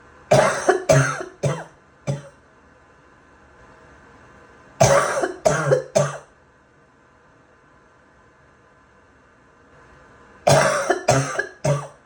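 Three bouts of harsh, loose coughing, about eleven coughs in all, with a wet, barking quality.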